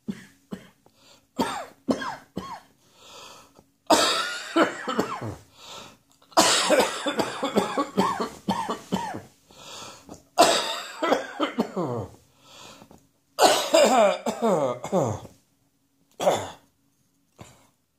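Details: Repeated bouts of dry, hacking coughs from an adult, a spring allergy cough.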